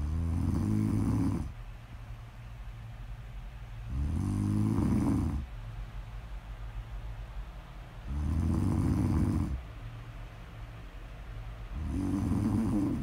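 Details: Snoring during sleep: steady, rumbling snores on each breath in, about 15 a minute, with quieter breaths out; regular snoring, snore ASMR audio.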